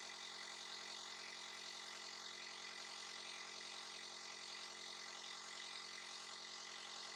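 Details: Continuous, even mechanical buzz with hissing airflow from a nebulizer used as a breathing aid for a little one who coughs and sneezes; nebulizer running.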